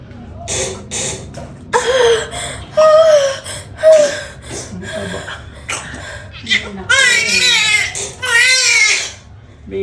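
Loud, wavering newborn cries mixed with nearby adult voices and brief music, heard just after a normal vaginal delivery.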